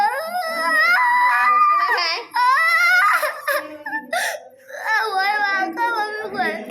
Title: cute baby boy crying